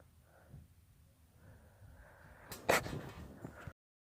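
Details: Induced sneezing in a daughter: a quiet build-up of breaths, then one sharp, explosive sneeze followed by a few sniffs.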